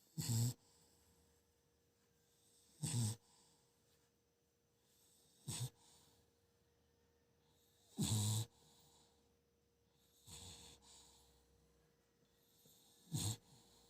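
Short loud snorting snores from a sleeping dog, about 12 a minute, with quiet breathing in between.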